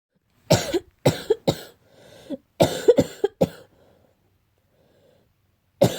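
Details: About seven harsh, abrupt coughs in short clusters from an adult, attributed to cat allergy; allergic barking cough.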